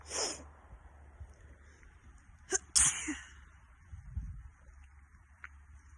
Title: Sneezing while on a hike